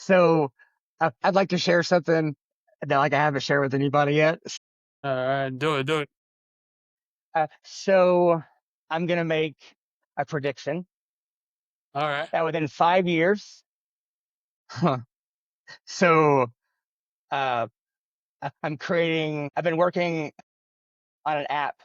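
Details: Adult man who has stuttered since childhood and says he struggles with it every day, spontaneous speech, stuttering.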